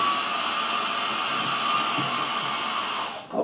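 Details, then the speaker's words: Steady loud hiss of rushing air from a running CPAP unit during an EMS airway skills exam demonstration, before it is applied to the patient, stopping abruptly as it is switched off. "it's going to be noisy and it's going to feel a little bit like sticking your head out of car window while you're driving are you ready for this okay so here's the noise part"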